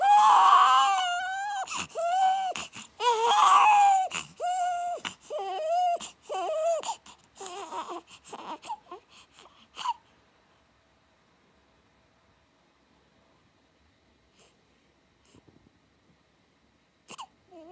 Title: 5 days after birth 🙂 Stop crying~😢生後５日目🙂泣きやんで～😢